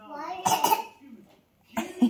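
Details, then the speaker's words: A young child, recovering after about a week and a half of family illness (nasty coughs), gives two short sharp coughs and a smaller third: a mild lingering cough. "Yeah, I think you're better. You still have a little cough."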